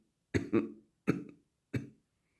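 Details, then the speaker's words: Four short, muffled coughs made deliberately with the mouth closed, the first two close together, demonstrating a cough-stopping technique; plain voluntary cough. "друзья Всем привет как же убрать кашель всего лишь за 20 секунд например вот вы кашляет"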